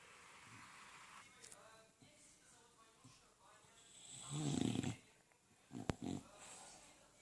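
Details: Sleeping English Bulldog: soft, irregular snuffling and snorting breaths with a louder rattling snore partway through.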